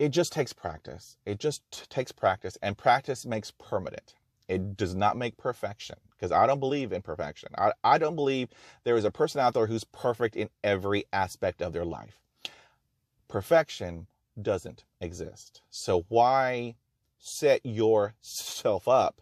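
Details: Real stuttering in an adult man who has stuttered for 44 years and still stutters with blocks and repetitions despite over 20 years of speech therapy.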